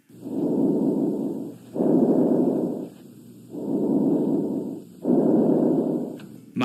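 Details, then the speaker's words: Stethoscope auscultation, client breathing through mouth: moderate-pitched, mixed-quality, moderate-amplitude breath sounds with equal inspiration and expiration; normal bronchovesicular breath sounds. "depending on the area auscultated the normal breath sounds may be vesicular low in pitch breezy in quality soft in amplitude long during inspiration and short during expiration or they may be bronchovisicular"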